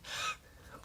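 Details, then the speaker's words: An adult podcast host hears their own wheezing and says breathing is difficult because of dust: a short, hissing indrawn breath with a faint high whistle. Mild wheeze. "I have zero actual information like everything I can hear my wheezing"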